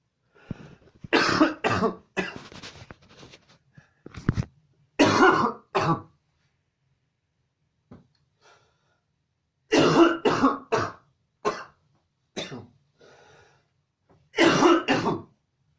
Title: Coughing fit (&)